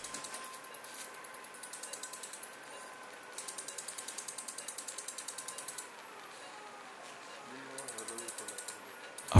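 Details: Phacoemulsification in an elderly man with a hypermature cataract, horizontal phaco chop during nucleus division: rapid, regular ticking pulses in bursts over a steady low hum as lens fragments are emulsified.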